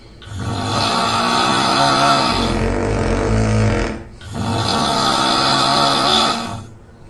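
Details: Simulated couple snoring (man and woman, recording made by the woman): loud, rough, rattling snores in long drawn-out breaths, two heard, filling most of the clip; heavy snoring.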